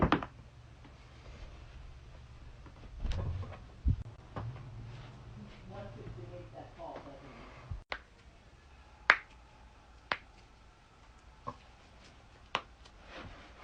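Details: Loud back cracking: several sharp pops and clicks over room noise and faint movement, joint cavitation (cracking) during a manual adjustment.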